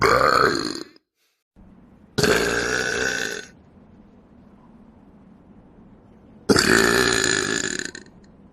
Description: Please enjoy this short educational documentary on animal burping.